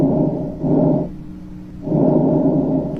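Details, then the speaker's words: Doctor's demonstration of healthy lungs heard through a stethoscope: soft, even rustling breath noise rising and fading, a brief quiet pause, then another breath, with faint low hum: normal breath sounds. "te enseño cómo se escuchan los pulmones así se escuchan los pulmones sanos"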